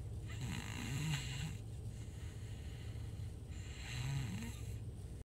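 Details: Snoring: two low, rattling snores on breathing in, about three seconds apart, over steady background hum.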